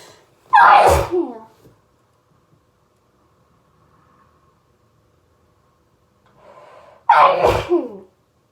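Two forceful voiced sneezes about six seconds apart, with an inhaling wind-up before the second. Repeated sneezing from hay fever.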